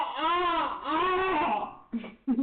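A young child's loud, wailing cry in two long drawn-out bursts, then short sobbing catches; an ordinary cry of upset.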